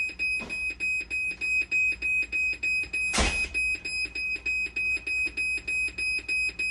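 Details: Rapid electronic alarm beeps, about three per second, with a brief louder click, from a hemodialysis machine under repair for a conductivity fault, 12-volt and BP cuff problems while sensor and actuator boards are swapped; alarm.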